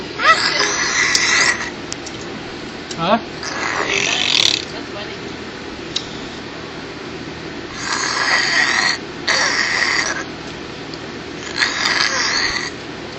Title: fake snoring